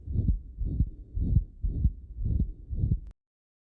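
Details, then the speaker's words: Dog, stethoscope at the left heart base: regular heartbeats with soft, low whooshing between them, a soft, localized, low-grade (1–2/6) murmur, likely a juvenile murmur rather than heart disease. "il reste faible intensité il est toujours localisé il est toujours doux au final 1 2 sur 6 souvent on les associe quand on recule on peut dire voilà le soutenir petit il est de faible grade et il est entre 1 et"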